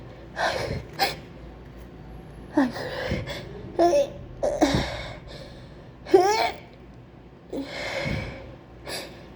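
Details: Acted sneezing fit from a person who says they have a terrible flu: about seven wet sneezes in nine seconds, each with a gasping build-up and sharp release, despite trying to hold them in; sneezing.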